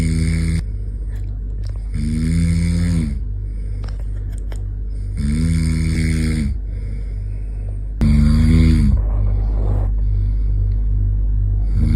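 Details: Person snoring so loudly that a 6-month-old baby covers its ears: loud, rattling, voiced snores on each in-breath, about every three seconds, with steady background hum; ordinary heavy snoring.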